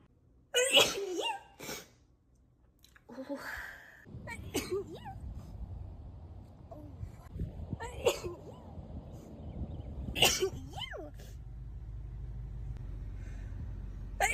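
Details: Several sharp explosive sneezes with quieter breaths and room noise between them; repeated sneezing.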